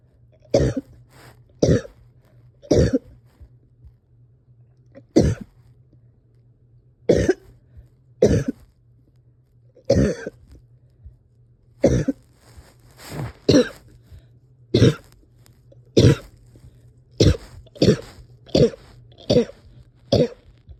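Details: Person having a hard time resting or getting comfortable, coughing with some breathing struggles: about 19 short, harsh coughs in 21 seconds, some in quick pairs, with a faint steady hum behind; persistent coughing.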